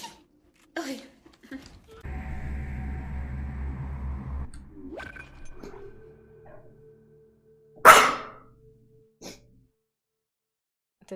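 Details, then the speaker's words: Woman gaming, about to announce she needs to sneeze: a single sharp explosive sneeze against game sounds and a steady hum; sneezing. "Блин очень не в тему чихнула и сейчас буду чихать"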